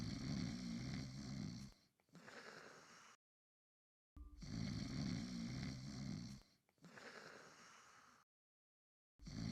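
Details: Simulated cartoon-style snoring for an animated Gacha Club character, a 15-year-old girl (Umaru): repeated rough, rumbling snores, each followed by a softer outbreath, with brief silences between.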